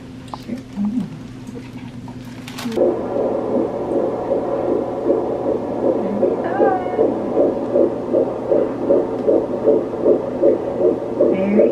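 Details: Doppler fetal heartbeat at a 13-week second-pregnancy checkup: fast, regular whooshing pulse at about 155–156 beats a minute, stated very strong and healthy; brief room noise first.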